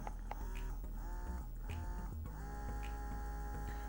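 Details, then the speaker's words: Unimom Minuet double electric breast pump cycling in a mode mimicking a baby's suck-suck-swallow feeding pattern: rhythmic motor whine rising and falling in short cycles, then a longer pull. "this one goes one two three you guys hear that right so it's like suck suck swallow suck suck swallow that's what the pump is actually trying to mimic"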